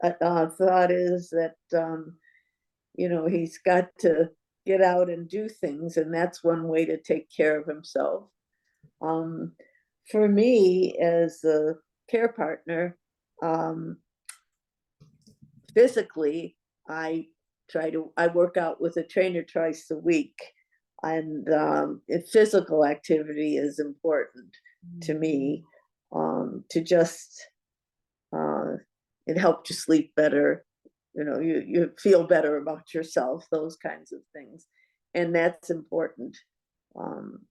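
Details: Adult woman speaking; normal speech.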